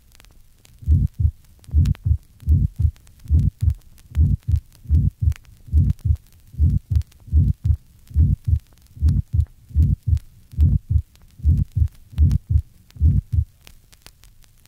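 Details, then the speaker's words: Small ventricular septal defect in a 1965 teaching recording: grade 2 early systolic murmur. "this is a recording of an early systolic murmur grade 2 from a patient with a small ventricular septal defect we've heard of figure 100."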